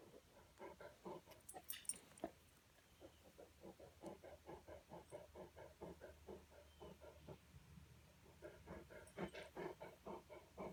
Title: Marley and Heavy Breathing